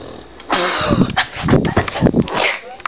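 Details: An overweight Pitbull snoring while asleep.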